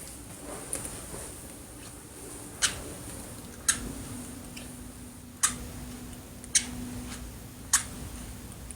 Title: Sleeping Girl Mouth Open, Bruxism